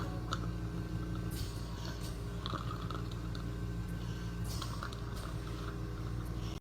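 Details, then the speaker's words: Faint wet, gurgling breath sounds under a loud steady machine hum from a dying hospice patient, mouth open with shallow mouth breathing; terminal respiratory secretions (death rattle). "I think in the next video you'll really see the changes in breathing uh a little better because you can see her breath more, her chest rising and falling, and you'll hear hear terminal secretions, which is that death rattle."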